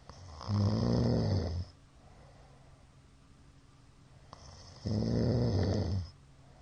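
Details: Middle-aged man snoring during sleep: two loud, rattling snores about four seconds apart with quiet gaps between. Sleep apnoea is suspected from the count of shallow hypopnoeas.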